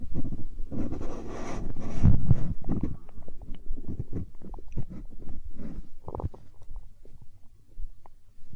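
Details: Hunger-related stomach growling (borborygmi): low gurgling and rumbling bowel sounds rolling on for several seconds.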